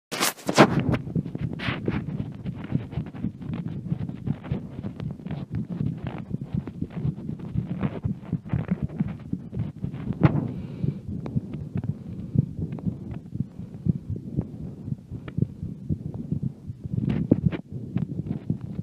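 Low, muffled heartbeat through a stethoscope, with steady thumping partly masked by rubbing and handling noise.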